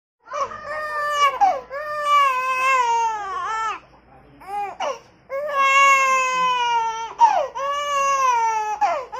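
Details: Small baby crying in long, high-pitched wails separated by brief breaths, in a quiet room.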